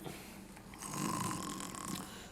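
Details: Acted snoring in a comedy film scene: a single loud, rattling inhaled snore, presented as the snore of a man's mother resting on a couch.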